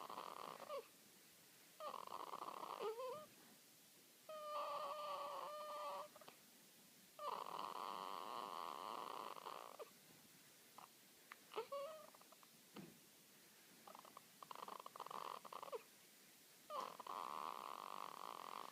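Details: Newborn daughter a few hours old snoring in her sleep: soft, squeaky, whistling nasal noises in bursts, typical newborn sleep noises.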